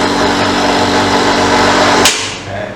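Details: Loud steady mechanical buzzing hum of a nebulizer compressor, switched on to check air pressure through the tubing during troubleshooting, then a click as it is switched off; nebulizer compressor running.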